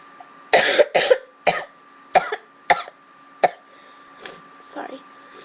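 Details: Person sick for about a week: a coughing fit of six harsh, repeated coughs in quick succession, then softer breathy sounds.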